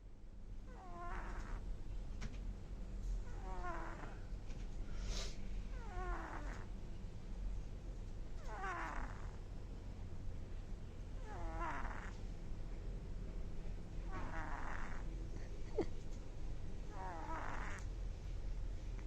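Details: A sleeping kitten snoring with squeaky, pitch-sliding sounds on each breath, about 22 breaths a minute.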